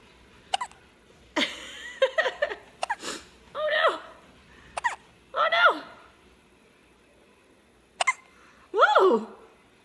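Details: Breastfed baby, whose mother had drunk coffee, hiccuping during play: short squeaky catches about 18 a minute between baby vocal sounds, with adult laughter; infant hiccups.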